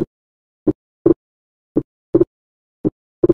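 Slow, regular heartbeat at about 55 a minute: a single first sound, then a second sound heard as two closely spaced parts. Physiological splitting of the second heart sound, where aortic and pulmonary valve closures separate during inspiration and fuse on expiration, is a normal finding.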